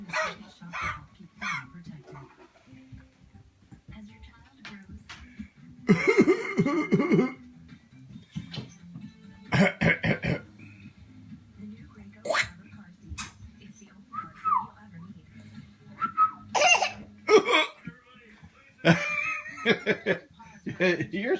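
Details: Child deliberately making several forced, fake cough bursts against a steady background hum; voluntary cough.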